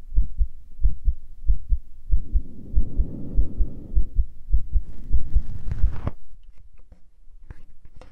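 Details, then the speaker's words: Self-recorded carotid pulse at the neck: muffled, regular low thumps at about 95 beats a minute, briefly masked by rustling handling noise; the person says it is faster than before recording, cause unknown. "sorry if my heartbeat is fast, because I don't know why it's beating fast. Before I recorded, I, like, you know, tried a little bit, and it wasn't as fast, but now it is fast."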